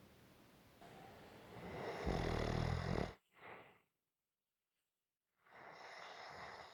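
A low, rough snore on a breath in, followed by quiet, then another breath; ordinary gentle snoring.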